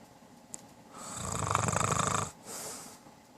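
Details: Adult man's snoring, recorded by his wife and described as longstanding and bad; a long rattling, fluttering snore on the in-breath, then a softer breathy out-breath.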